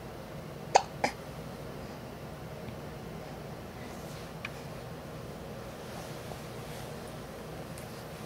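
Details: Two sharp, brief hiccup bursts close together, then a quiet room; Lily with hiccups.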